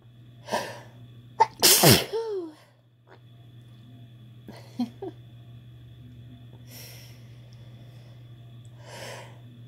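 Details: Sneezing fit deliberately induced by sniffing chhinkni sneezing powder: a loud explosive sneeze with a voiced tail, then quieter breaths and sniffs over a low room hum.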